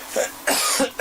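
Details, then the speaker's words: An adult gives a few quick, forceful deliberate coughs in a small room while demonstrating a microphone compressor, with no wet or wheezy sounds. "now there when i coughed that would have gone boom through the roof it would have redlined and it would have basically created crackling sounds"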